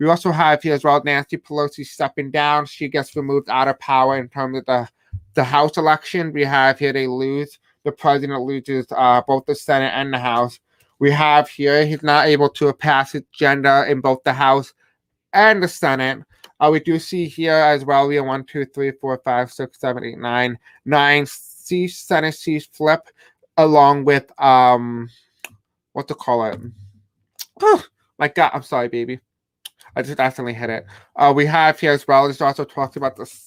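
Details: Deaf speech in an adult male host who says he has a deaf accent and has a hard time pronouncing certain words.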